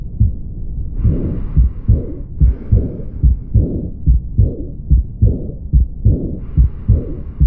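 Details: Aortic regurgitation: regular heartbeat near 70 a minute with a soft, blowing diastolic murmur filling the pause after each second heart sound.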